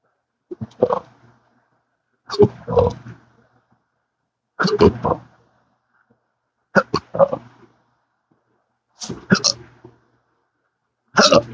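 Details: Hiccups with occasional belching in a person with a rare condition since December 2015 after surgery with multiple nerve damage, including the pudendal nerve, with 12-hour episodes daily: six abrupt voiced hiccups about every two seconds with short throaty burps.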